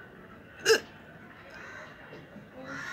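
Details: One sharp real hiccup, no water taken, then quiet breathing and faint room noise; hiccup.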